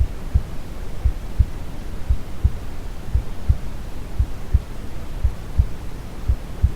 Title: Quality sound for baby sleep (brown noise + calm heartbeat) #babysleep #babysleepsounds